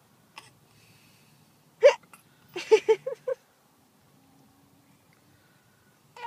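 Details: Brief, sharp voiced catches recurring at irregular intervals with quiet gaps between: hiccups.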